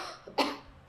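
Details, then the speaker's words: Manually assisted cough taught by a clinician: patient breathes in and holds, helper places hands on front of shoulder and behind pelvis and counter-rotates the trunk (PNF); one short, fairly forceful cough after the held breath. "I'm going to ring her out like a towel and I'm going to say C okay so we're going to stretch stretch stretch stretch stretch hold it and cough"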